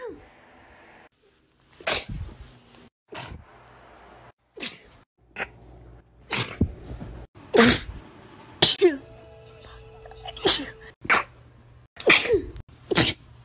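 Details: A short sneezing compilation: about a dozen sharp, explosive sneezes from different people, with brief gaps and faint music; repeated sneezing.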